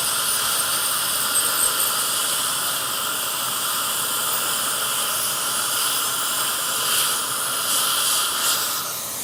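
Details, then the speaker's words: High-speed dental handpiece with water spray, loud continuous high-pitched whine, shortening a Tru-Lok abutment on a mini dental implant (crown prep) during live surgery replacing two missing teeth. "So now, of course, that's too long, so we're going to do a little crown prep on that abutment."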